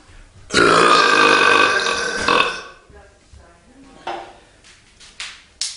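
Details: A prolonged, loud, drawn-out belch lasting about two seconds, followed by quieter sounds and clicks; burping while having a beer.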